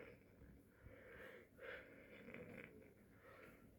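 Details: Patient in the emergency department during an asthma attack: noisy, congested breathing with musical whistling on several breaths in a quiet small room. Wheezing.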